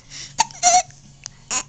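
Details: Young girl hiccupping in the morning: sharp, abrupt little voiced catches mixed with soft babbling sounds.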